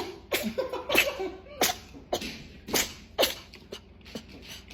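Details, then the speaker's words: A run of short, sharp sneezes in quick succession from a cat after smelling spicy hot wings; sneezing. "sneeze on me. I shouldn't have let you smell that, eh? She sneezes like you do. Yeah, that was insane."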